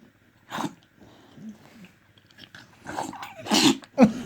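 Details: Dog sneezing, reportedly healthy: a few quick, sharp nasal bursts separated by quiet, with human voices and laughter.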